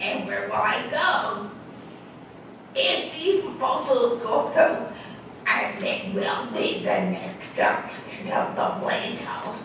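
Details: Adult woman with dysarthria after a massive stroke that also left her unable to walk and with lost balance; real, with an audible speech impediment she notes herself.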